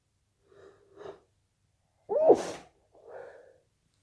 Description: More induced sneezes with false starts and nose blowing at the end